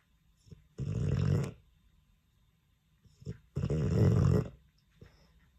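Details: Sleeping Dogue de Bordeaux dog in a quiet room: two loud, rattling snores about three seconds apart with softer breaths between; snoring.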